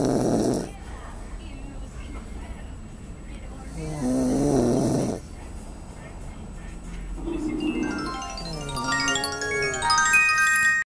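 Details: Rough, rattling snores at intervals from a sleeping adult in the early morning, with music in the background; snoring, with sleep-talking also reported.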